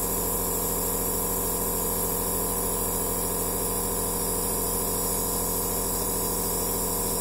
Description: relaxing sound of aerosol therapy machine